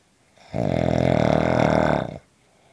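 A single long, loud, buzzing snore lasting under two seconds, from vibration of the soft tissues of the throat.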